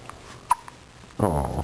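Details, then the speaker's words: 5-day-old baby girl: a single sharp, brief hiccup in a quiet room, followed by an adult voice; hiccups. "Oh the hiccups are no fun are they yeah Oh It's no fun to have the hiccups huh"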